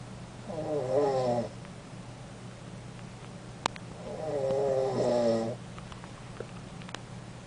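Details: Cat snoring relentlessly in the evening: two long, buzzy, rising snores a few seconds apart over a steady low room hum.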